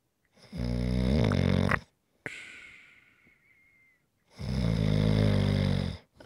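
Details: Two loud, low, rattling inspiratory snores, each over a second long, separated by a quieter whistling breath out; typical snoring, recorded as relaxation sounds.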